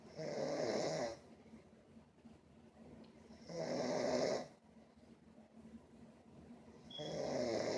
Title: Sleep and snoring